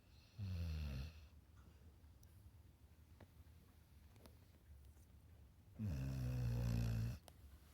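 Two low, humming, droning snores about five seconds apart, with quiet breathing between. Snoring.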